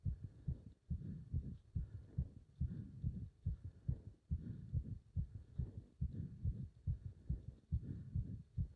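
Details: Pounding, fast, strong, regular heartbeat at about 140 per minute, felt up to the subclavian artery, during leg wrench exercise; a rapid heartbeat during exertion.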